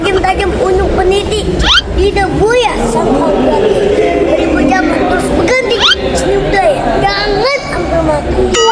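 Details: Male comedian known by a nickname (stutter), in an Indonesian comedy short reciting a Betawi pantun; stuttering.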